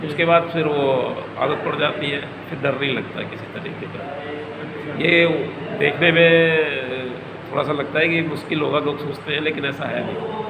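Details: Adult male speaker; stuttering.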